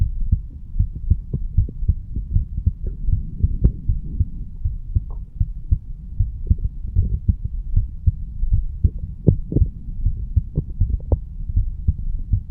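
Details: 35-year-old male, standing, recorded over the bicuspid (mitral) valve area: regular, low thumping heartbeat at about 77 beats a minute, normal heart sounds.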